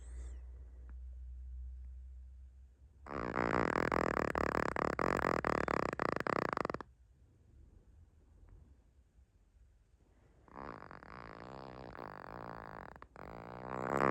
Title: Naomi the Chihuahua snoring louder than most humans.